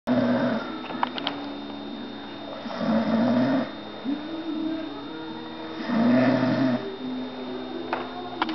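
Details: Person who falls asleep as usual while visiting someone's house, snoring: slow, regular droning snores about 20 a minute over steady room hum; ordinary snoring during sleep.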